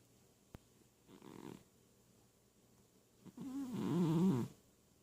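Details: Soft snuffly snoring from a sleeping cat known for wheezing, one faint breath then a louder, slightly whistling one; cat snoring.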